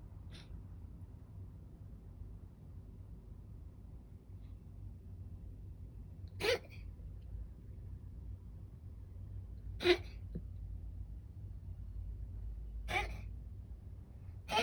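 Four short, sharp, separate bursts over about fifteen seconds against quiet room noise, a dog's cough.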